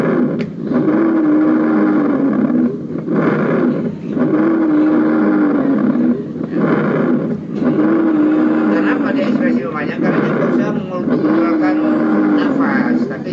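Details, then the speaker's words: Simulated lung sounds on a teaching simulator with prolonged expiration: brief inspirations and long, drawn-out expirations at about 17 breaths per minute. "Oke, sekarang kita dengarkan ekspirasi memanjang pada pernapasan."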